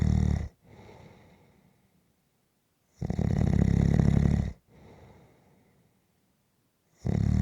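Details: Snoring during a nap: loud rumbling snores on the in-breath with softer out-breaths, one breath cycle about every three to four seconds.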